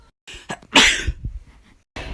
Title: SNEEZE COMPILATION!! (Funniest video)